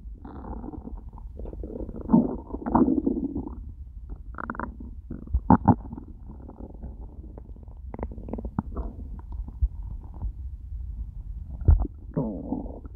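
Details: After eating nothing all day, stomach starting to hurt by the end; loud, low gurgling and rumbling with irregular bursts over about 13 seconds; hunger borborygmi.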